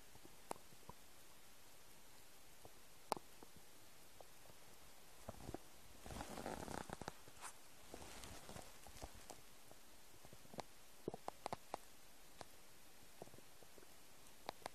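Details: Noises of an empty stomach: quiet gurgles and pops with a longer rumbling stretch midway; stomach rumbling (borborygmi).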